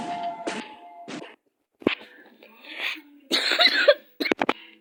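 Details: Several short coughs from a sick adult during a video game, mixed with game music and sound effects; cough.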